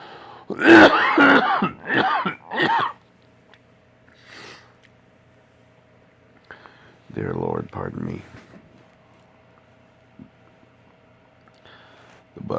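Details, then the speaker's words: Adult sick a couple of weeks, worsened Thursday, coughing so hard barely able to breathe, cough syrup not helping: run of four forceful coughs, then two harsher throat-clearing coughs in a quiet room. "coughing so much and so hard I could barely get a breath the only way I can not cough is to have a cough drop in my mouth"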